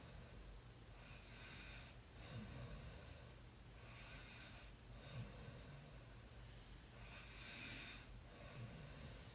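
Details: Soft, hissing snores about every three seconds, matching sleeping breath cycles, over steady room noise; snoring during sleep.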